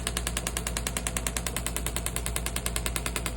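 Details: Shockwave therapy applicator on an adult male's Achilles tendon and calf (soleus, gastrocnemius) after injury, treating pain and scar tissue: rapid, steady mechanical tapping pulses, about 200 a minute, during treatment.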